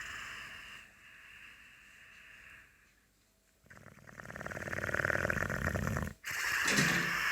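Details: Boxer dog named Max snoring while asleep: a quiet start, then a loud, rough, fluttering noise on the in-breath, building and cutting off, a vibrating snore.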